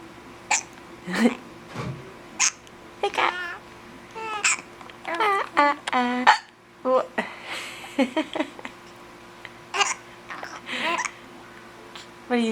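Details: Mother and baby both with hiccups: repeated brief, abrupt vocal catches mixed with baby babbling and light laughter; hiccups.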